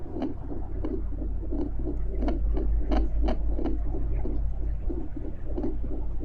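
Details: Steady, regular whooshing pulses of a real adult female heartbeat picked up by fetal Doppler, over a deep rumbling underwater drone: normal heartbeat.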